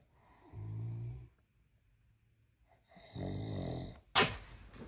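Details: Loud snoring from a giant Mastiff dog asleep in a small room: two deep, rumbling snores with a quiet pause between.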